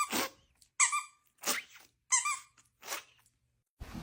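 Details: Dog gives five quick, sharp sneezes in a row, some with a squeaky edge.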